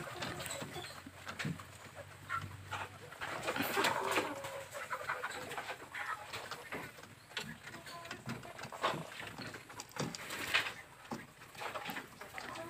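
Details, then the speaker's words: Village chickens in coop, three with snot (infectious coryza) showing swollen eyes, lethargy, poor appetite, resting after feeding; soft gurgling, snoring-like breath sounds: respiratory rales. "suara ngorok daripada ayam kita yang ada di kandang"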